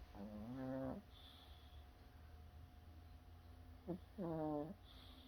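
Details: A sleeping dog gives two drawn-out, whining snores separated by quiet breathing, over low room hum: snoring.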